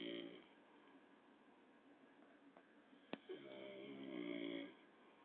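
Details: Man who snores heavily, filmed asleep at 4:20 a.m.: two rough, buzzing snores, one at each end, with a quiet stretch and a sharp click between them; snoring.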